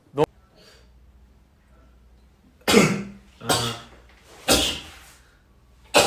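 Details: Three forceful, noisy bursts of air about a second apart in a quiet room: a run of sneezes from a young man.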